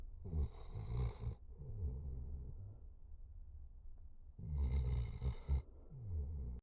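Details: Two loud, rattling snores from a sleeping dog, each followed by a softer, fluttering exhale with quiet pauses, after a 4-mile hike and a big meal; ordinary snoring in deep sleep.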